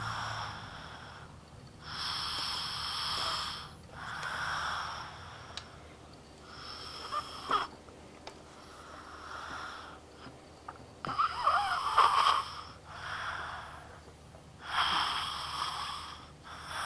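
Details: Snoring during sleep that has been frequent lately and now persists even when lying on his side, where repositioning usually stopped it; soft, airy, whistling breaths about every two seconds with clicks and snorts.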